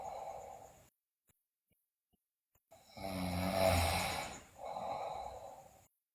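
One long, loud, rough snoring breath between quieter breathing sounds, after a brief silent gap; loud snoring in sleep.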